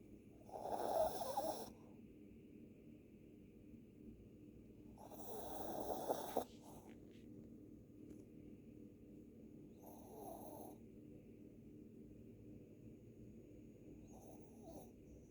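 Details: Small dog snoring during sleep: irregular noisy breathing, a few louder rasping snores over steady room hum.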